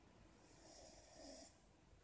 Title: Cavalier King Charles Spaniel Snoring - Funny Video